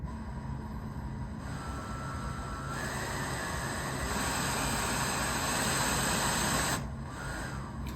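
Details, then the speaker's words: Hamilton T1 turbine-driven ventilator in an emergency department, flow sensor temporarily reversed with adapter: steady rushing hiss of gas flow rises over several seconds, then drops as it calibrates the flow sensor. "And you'll hear that it escalates gas flow in a minute as it calibrates the flow sensor in that direction."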